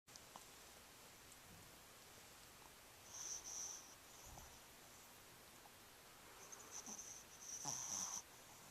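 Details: Dog named Rocco recorded with a Flip Video camcorder: a sleeping dog snores with thin, high whistling sounds on two breaths over faint room hiss; snoring.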